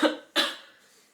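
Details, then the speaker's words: Cough from a woman who has been coughing a lot lately and has a hoarse voice on a Saturday morning shortly after waking; two short, sharp, dry coughs in a quiet room. "On est samedi matin, j'ai la voix complètement cassée, parce que ça fait pas très longtemps que je me suis réveillée, et surtout parce que je tousse beaucoup en ce moment, du coup ma voix est complètement déglinguée."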